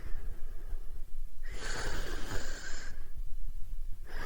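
A rough, hissing snore of about a second and a half over steady low rumbling room noise. Snoring, no clear wheeze.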